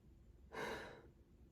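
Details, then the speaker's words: Huff cough (forced expiration technique) at the end of chest expansion breaths, head turned, during rehab airway clearance: a single forceful open-mouthed breath out to move mucus up. "and on this last breath out once you turn your head and huff for me one to two times"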